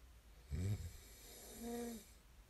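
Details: A single low snorting snore followed by a softer whistling breath out; sleep snoring recorded as snoring ASMR.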